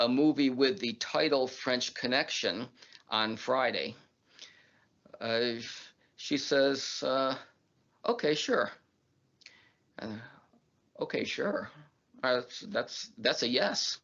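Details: Adult man who stutters; stuttering.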